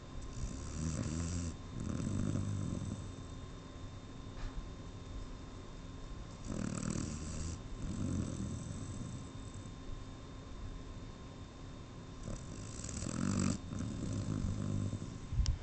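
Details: Snoring: repeated low, rumbling breaths with soft airy phases between them, about every five to six seconds, over a steady background hum.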